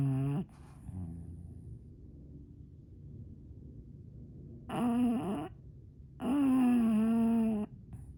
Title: Bulldog snores… volume up